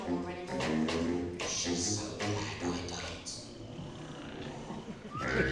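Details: Short performed comic sketch by laryngectomy choir members after life-saving larynx removal, spoken with oesophageal or voice-prosthesis speech. Finding: oesophageal speech after laryngectomy.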